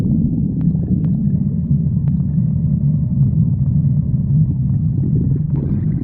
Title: stomach growling 55